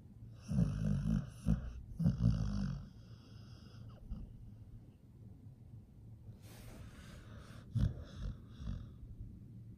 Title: Nomyen the pit bull is snoring [ASMR]